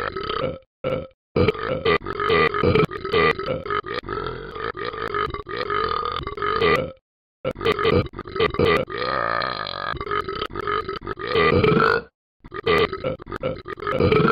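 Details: Animated character Talking Ben performing a burping rap: long, rhythmic string of voiced burps in a rap-like pattern with only brief breaks; deliberate, performed burping, not natural.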